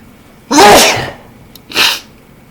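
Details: Male with a cold sneezing, mostly not stifled: two loud sneezes, the first a full voiced burst, the second shorter and sharper, in a quiet room.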